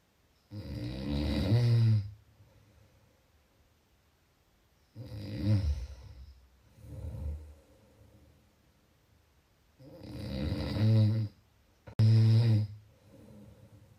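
Loud, rattling, low snores on each breath in, about every five seconds (roughly 13 breaths a minute), with quieter breaths out: snoring.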